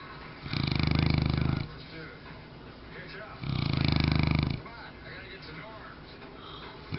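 Two loud, rattling, low snores about three seconds apart with quiet breathing between: snoring in a sleeping large dog.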